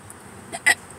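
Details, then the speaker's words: Adult hiccupping in a parked car before eating: a brief, sharp throaty hiccup against faint car-interior noise. "I think hiccups and burps at the same time so weird yeah my body's like come on do something"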